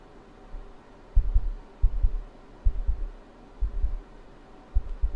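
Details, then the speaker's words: Adult ASMR streamer's own heartbeat, recorded live through a microphone with the gain turned up and a room fan running: soft paired low thumps of a steady normal heartbeat, about 60 per minute, faint under room hum. "I just think that maybe my heartbeat is not super obvious right now. You can hear it a little."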